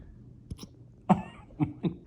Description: White Lab Puppy gets the hiccups in the cutest way possible!